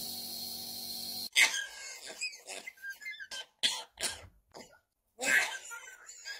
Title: Cheeky parrot mimics man's cough 🦜🤭 #shorts #parrot #pet #funnyanimals